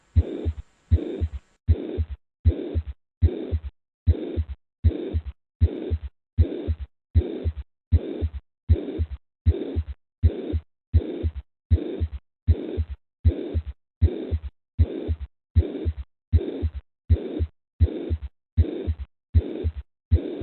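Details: Mitral regurgitation murmur.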